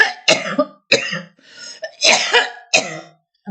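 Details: Several harsh, throaty coughs with brief pauses and softer rasping breaths between, from an adult woman with a very hoarse voice and sniffling; she attributes her throat and lung burns to microwaves; repeated coughing.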